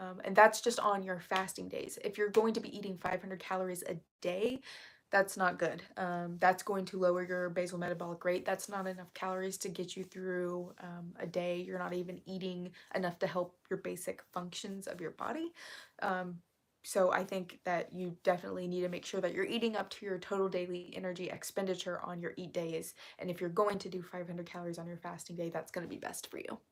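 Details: Vocal fry in an adult female, self-reported as currently really bad, which she attributes to speaking quietly so as not to disturb someone working in another room; vocal fry.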